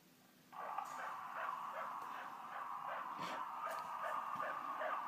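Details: Rapid, rhythmic whooshing fetal heartbeat recorded in utero at 19 weeks, played back through a tinny speaker inside a squeezed stuffed giraffe toy: fetal heartbeat.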